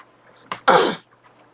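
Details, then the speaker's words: Middle-aged woman with persistent dry cough, improving but still coughing while talking: a brief throat catch then a single short, harsh cough with no rattle or phlegm, in a quiet room. "그래서 제가 유튜브를 올려야 되나 했는데 자꾸 이런 소리 내야 되고 기침해야 되고 이러니까 너무 심해가지고 못 올렸는데, 오늘은 좀 덜하다고 생각했는데도 그저 하게 되네요."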